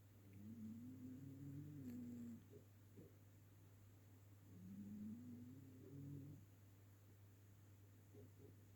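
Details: Ginger cat asleep on a sofa snoring, loud enough to be heard across the room; two soft, buzzing, drawn-out snores about four seconds apart over a steady hum.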